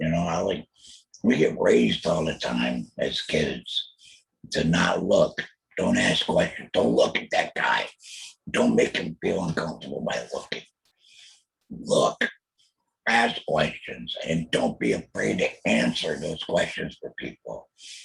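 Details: Alaryngeal substitute speech from a real adult male laryngectomee after a total laryngectomy in 2020 for laryngeal squamous cell carcinoma, followed by chemotherapy and radiation; he mentions using an electrolarynx.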